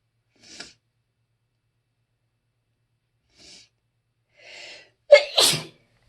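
Short hissing bursts, then a loud two-part sneeze at the end; a run of sneezes, as with allergy.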